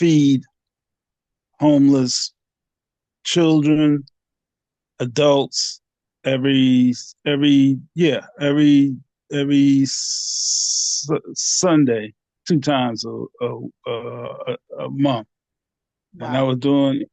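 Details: Aphasia in a 67-year-old man, a 9-year stroke survivor after two strokes (January 2015, March 2016); he could not talk after the first stroke and later had speech therapy.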